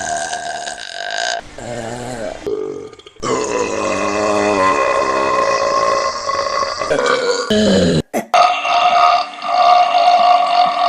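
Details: Repeated burping: several loud, drawn-out voiced belches with brief pauses between them.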